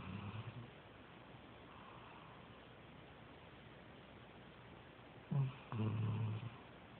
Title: Snoring